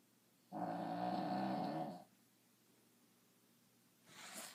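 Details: One long, buzzing, slightly tonal snore on a breath, then a quieter breath, in a sleeping dog; snoring.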